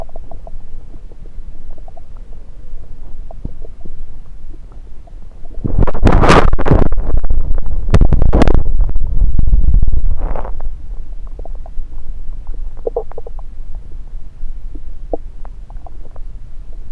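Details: Ordinary bowel sounds, heard through a stethoscope placed on multiple parts of the abdomen during a self-recorded session: bursts of gurgling and rumbling, loudest midway, with quieter rustling between.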